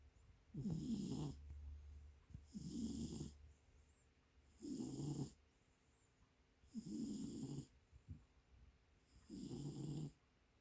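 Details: Snoring of Leo, a cat that was once a feral stray, sleeping peacefully on a person's lap; he is said to be in REM sleep.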